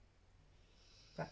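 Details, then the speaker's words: Sleeping pet named Boo snoring in the background of a room: quiet hum, then one brief snort-like snore near the end. "You can probably hear Boo snoring in the background, and the children are on half term, so you can probably hear them in the street."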